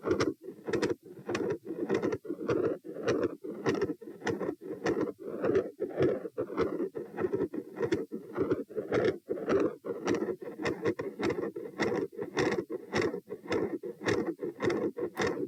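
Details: Heart sounds recorded at position P as the subject moves from supine to standing: normal sounds changing to a rapid heartbeat near 100 a minute, with a continuous rumbling machinery murmur running through both heart sounds.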